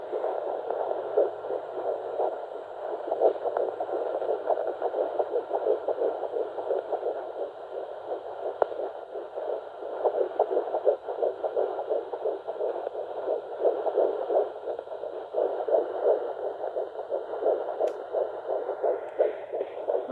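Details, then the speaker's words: Fetal heartbeat on a home Doppler pressed firmly over the middle of the pregnant abdomen: rapid, even whooshing pulses at about 170 a minute, much faster than the mother's own heartbeat. "you can push pretty hard and that is the baby's heartbeat sometimes it's a little tricky to get it but you can tell by how much faster it is"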